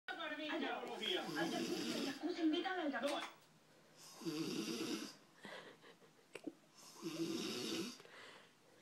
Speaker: They both knocked out. I was snoring. Almost knocked out.